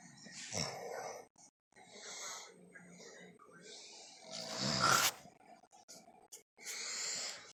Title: Snoring Hard